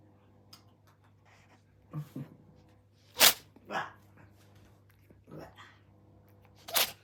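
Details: Cat sneezing several times in quick succession while waiting for its daughter, short sharp hissing bursts over a quiet room hum.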